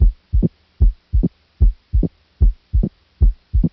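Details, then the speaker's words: Regular heartbeat near 75 a minute with a sharp, crisp, high-pitched extra sound in mid-diastole after the second sound, best heard with the diaphragm: an opening snap, indicating mitral stenosis. "And this sound, this is an opening snap. And this is great for exams because it only comes with one diagnosis, and that is mitral stenosis."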